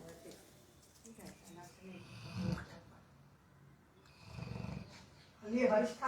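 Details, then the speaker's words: Dog named Murphy snoring while sleeping: soft, irregular snuffling snores with a low rattle on a couple of breaths, against faint room noise. "खराटे लेता हुआ कुत्ता नाम है इसका Murphy"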